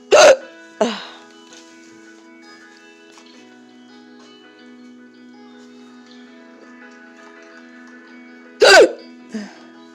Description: I had the hiccups for a few minutes before i was able to record.